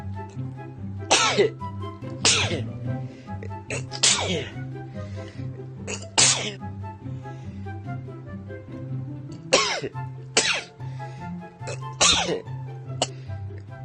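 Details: About nine sharp, explosive sneezes in a row over steady background music.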